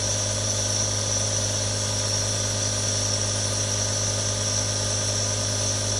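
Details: Real sounds from one of three different nebulizers: a constant motor hum and airy hiss, even and uninterrupted, as the nebulizer runs.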